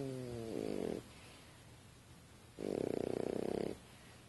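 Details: French Bulldog asleep on a couch, snoring: two loud, rattling, fluttering snores separated by quieter breathing, typical of a flat-faced dog; snoring.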